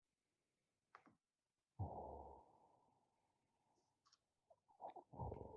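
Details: Adult man's overnight sleep study audio, with normal AHI, ODI and mean saturation: quiet recording with brief soft clicks and faint breath noises between pauses; inspiratory clicks during apnoeas, with obstructive snoring through respiratory events.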